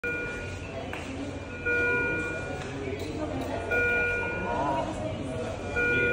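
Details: Philips cardiac monitor in a clinical setting: steady electronic tones repeating about 29 times a minute over room chatter.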